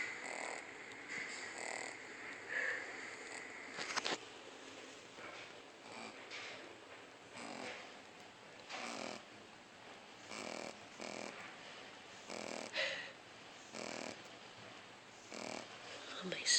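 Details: Snoring in a 3-month-old Shih Tzu puppy: soft, wheezy, whistling breath noises about 16 times a minute over steady room hiss.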